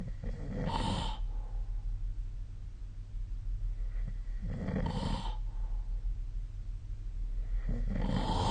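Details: Snoring recorded during sleep with a snore-tracking app on 2025-04-05.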